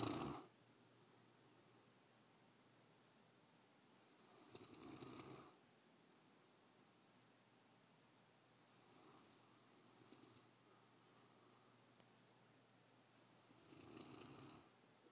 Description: My dog english mastiff is snoring.